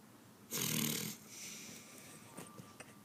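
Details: A mother snoring: one loud, rough snoring breath lasting about half a second, then quiet breathing with faint room noise; said to snore like daddy.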